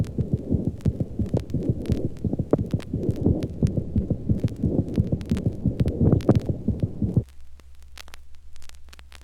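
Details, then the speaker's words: Rheumatic carditis with tachycardia and embryocardia: very fast, evenly spaced heart sounds like a machine gun, first and second sounds indistinguishable, no murmur; each small stroke output forces a high rate to maintain blood demand. "the heart sounds here resemble a machine-gun and it is impossible to differentiate the first to sound of each heartbeat from the second sound"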